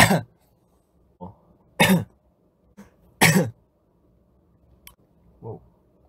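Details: K-pop singer coughing: three loud, sharp coughs mixed with softer throat-clearing in a quiet room.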